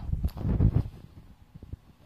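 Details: Flat-faced dog recorded by a BOAS (brachycephalic obstructive airway syndrome) research group; short burst of rapid, low, snorting inward gasps; reverse sneezing.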